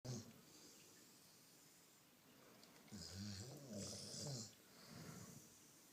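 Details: A Rottweiler snoring while being petted, several rough, fluttering snores with noisy breaths between them in a small room; she always makes these loud noises.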